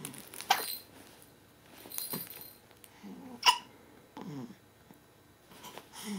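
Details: Pet with hiccups: brief abrupt gulping sounds repeating every couple of seconds, with soft breathing between; hiccups.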